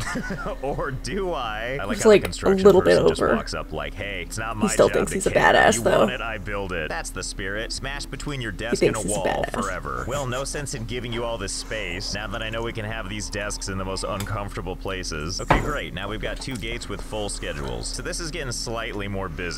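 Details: Adult male speaker; no disorder.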